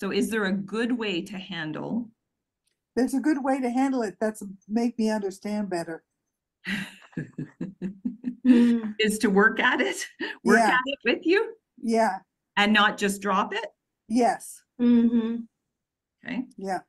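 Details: Real person with aphasia, a member of an aphasia institute who helps train conversation partners; aphasia.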